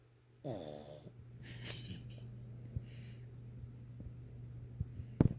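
A single brief, buzzing snore followed by soft breathing noises, a steady low hum and scattered clicks in a quiet room.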